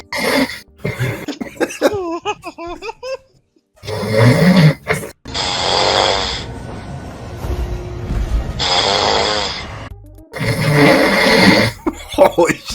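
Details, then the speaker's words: Loud, aggressive snoring with many varied noises that gets louder each time, described as the angriest snoring ever heard. "oh is he waking up it's like the angriest snoring I've ever heard"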